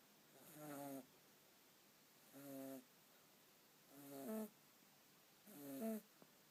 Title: Kitten snoring